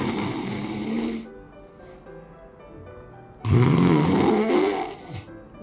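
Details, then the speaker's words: Sleep snoring with obstructed breathing: two loud, harsh, dragging snores separated by a quieter pause, as the airway starts to stick and narrow so the sleeper cannot breathe properly. "You can hear the sound of dragging breaths Then, you can aware the airway started to stick You can aware that you can't breathe properly"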